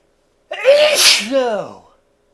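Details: Adult male with allergies in a sudden sneezing fit, past his seventh sneeze, turned away from the microphone: one loud sneeze with a voiced build-up, a sharp hissing burst and a falling voiced tail.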